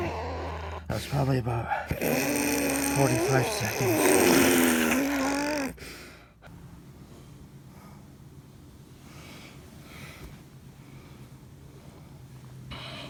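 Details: Adult woman just after a grand mal tonic-clonic seizure in which she bit her tongue: loud, rough, snoring-like groaning breaths fade into quiet, faint breathing with room noise; postictal stertorous breathing.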